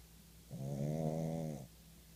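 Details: A very tired pug asleep: a single low, vibrating snore lasting about a second; snoring.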